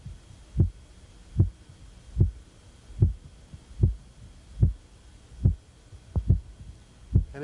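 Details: Korotkoff sounds.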